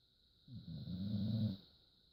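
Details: Dog snoring in sleep: a single deep, rumbling, low-pitched, rattly snore lasting about a second on a quiet background.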